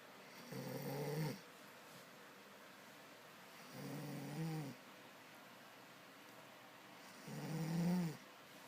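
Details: Sleeping snoring, loud: three slow, low-pitched rattling snores, about 18 per minute, with quiet pauses between breaths.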